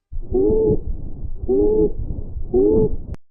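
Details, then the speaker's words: Teaching example of abnormal breath sounds: three high, musical whistling wheezes, one with each breath, from narrowed airways. "ruidos respiratorios anormales así se escuchan una sibilancias"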